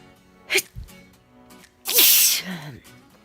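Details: Short intake of breath, then one loud, explosive sneeze from a person sitting quietly, with faint music in the background.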